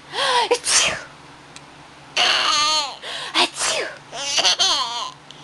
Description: My boy laughing at me sneezing.